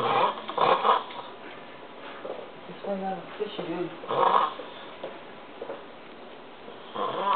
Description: deep in a snoring sleep